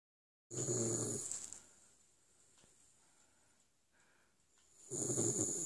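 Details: Sleeping female West Highland White Terrier gives two loud, rattling snores about four seconds apart with quiet breathing between; ordinary dog snoring.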